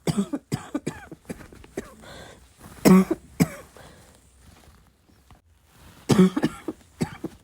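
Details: Repeated short, harsh cough bursts with throat clearing, roughly six coughs over several seconds; an ongoing cough.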